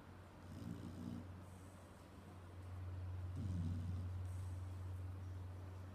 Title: pig snores